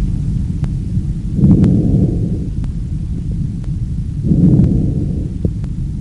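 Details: Normal lung auscultation by stethoscope: soft, low rushing breath sounds, about 20 per minute, tracheobronchial sound and normal vesicular murmur.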